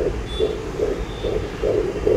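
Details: Fetal heartbeat heard at home on a handheld fetal Doppler during pregnancy: rapid, regular whooshing pulses at about 140 beats a minute, normal.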